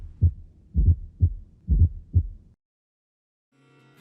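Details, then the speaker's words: Fourth heart sound (S4) heard just before the first heart sound: low, dull heart sounds at about 65 a minute, with a soft extra sound preceding S1. "escucha bien fíjate como el cuarto ruido está ocurriendo delante del primer ruido"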